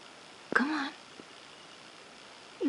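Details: Cough from a sick cat: a single short, sharp hacking burst followed by quiet room noise. While coughing, the cat lowers his head down.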